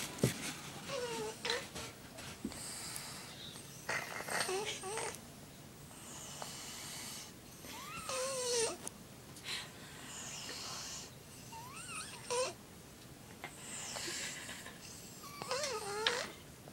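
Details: Four-year-old boy snoring loudly during sleep: repeated snoring breaths, about 16 a minute, with rising whistly squeaks on some breaths; snoring.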